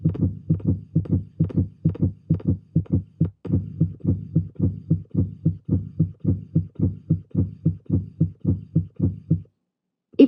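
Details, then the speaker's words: Simulated normal heartbeat from a heart animation with the fibrous coating of the heart and great vessels removed: rapid, regular paired low thumps at about 100 beats a minute, stopping near the end. "If we remove some of the tough fibrous coating of the heart and great vessels, you can get a better look at the heart beating."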